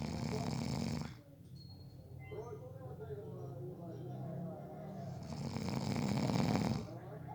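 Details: Loud, rough, rattling snores on the in-breaths, with quieter breathing between them in a quiet room: ordinary snoring during a short nap.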